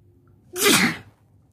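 One sudden, explosive hissing sneeze lasting about half a second in a quiet room; an ordinary sneeze.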